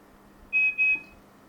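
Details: Two short high electronic beeps as a Philips Respironics A40 BiPAP ventilator is unlocked to read the data card, an ordinary device sound.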